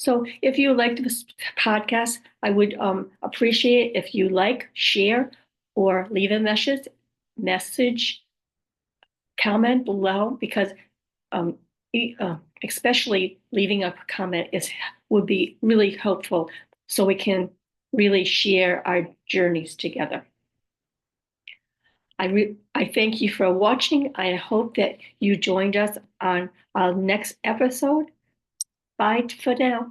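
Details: Aphasia with apraxia of speech in an adult woman after a stroke, who also reports other communication challenges and says her speech is sometimes hard to understand; aphasia with apraxia of speech.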